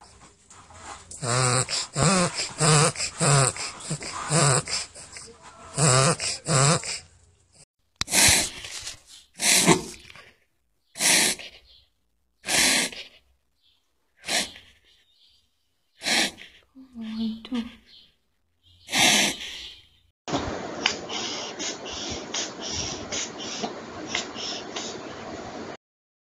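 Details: Reverse sneezing in a dog: bursts of loud, rapid snorting inhalations, example episodes.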